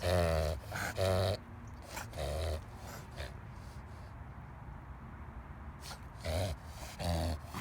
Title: Reverse Sneezing